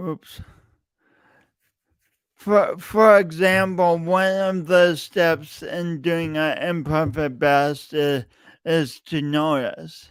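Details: Adult male podcast host with a long-standing speech impediment he denied for years, present every time he speaks; repeated words throughout; speech impediment (disfluency).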